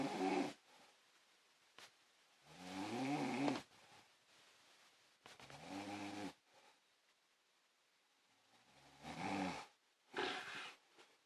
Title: Mommy snoring